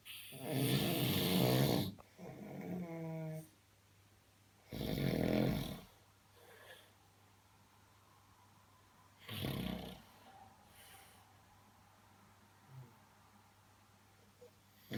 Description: Snoring man strikes again